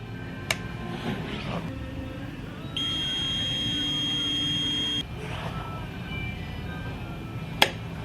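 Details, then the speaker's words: Steady high electronic tone of about two seconds over room noise with faint movement: panoramic dental X-ray machine during exposure, patient standing still, tongue to roof of mouth, at a dental hygienist appointment. "We're going to take a panel really quick. So, we're getting ready to get started. You want to swallow and leave your tongue to the top of your mouth. Okay, just stand nice and still."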